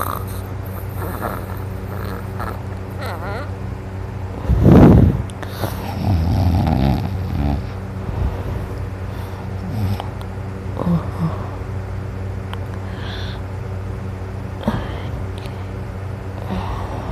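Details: Self-recorded person snoring very loudly while asleep and drooling: loud, low, rough snorting breath noise with irregular snore bursts over a steady background hum.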